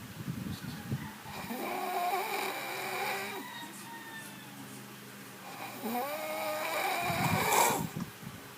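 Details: Loud, rattling snores from a sleeping adult, with low rumbling breaths and a higher whistling, tonal quality in between: snoring.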